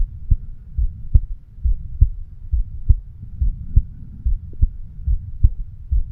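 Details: 36-year-old man's own heartbeat recorded with a homemade microphone stethoscope over the mitral (bicuspid) valve area: steady, paired low lub-dub beats at about 70 a minute over a soft hum; normal heart sounds.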